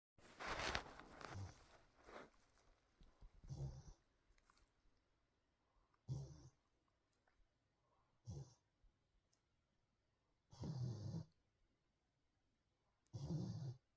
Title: Bear snoring